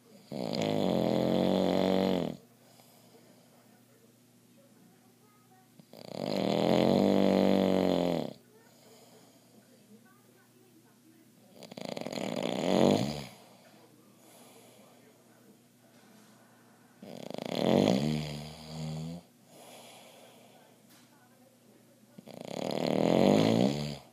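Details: Loud, harsh rattling snores with snorting, about 12 a minute, from a 55-year-old man with sleep apnea who uses CPAP but fell asleep watching TV without it: loud snoring in obstructive sleep apnea.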